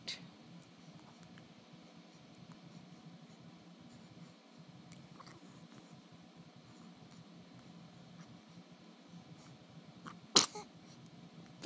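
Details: A tired baby being soothed to sleep gives a single sneeze after a quiet minute.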